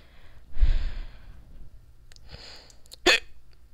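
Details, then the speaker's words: Hiccups recurring during speech while recording a screen tutorial. "excuse me I have hiccups so if you're wondering what that noise is now you just figured out"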